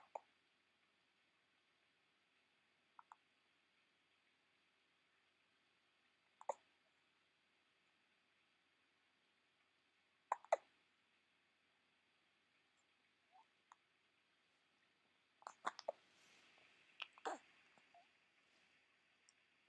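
Soft, abrupt clicking catches at fairly regular intervals, about 20 a minute, in a quiet room; hiccups.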